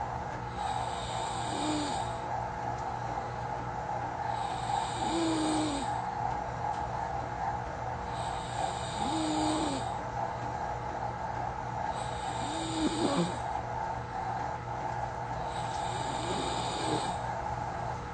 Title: Recorded myself snoring😂it sounds weird! soft, quiet.